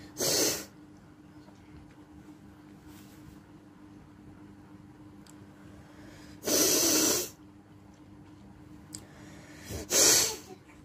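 Three loud, hissy bursts through the nose over about ten seconds, with steady room hum between them; sneezing or forceful nose blowing.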